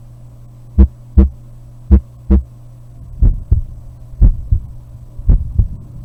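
Regular paired heartbeat thumps, about 55 a minute, over a low steady hum; the first of each pair is the normal first heart sound, S1.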